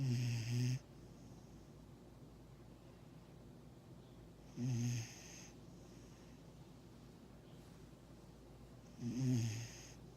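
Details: Six-month-old Vizsla dog asleep: slow, regular low snoring, about 13 breaths a minute, each a short rumbling snore with quiet between, over steady room hum.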